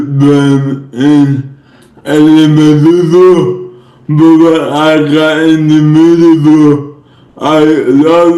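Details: Man with cerebral palsy speaking; no specific speech disorder named; dysarthria.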